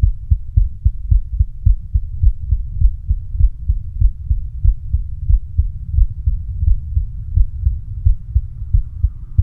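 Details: Female heartbeat with a visibly throbbing neck pulse: rapid, strong, deep thumping at roughly 100 or more beats a minute, with a low steady hum behind it.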